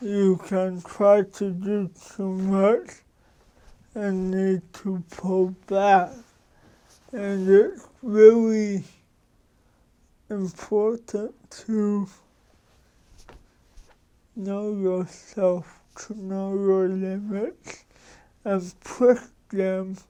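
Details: Adult man with cerebral palsy for 53 years, which he says came from damage to the brain and spinal cord; he says his speech differs from most people's and he adjusts it so others understand; dysarthria (cerebral palsy).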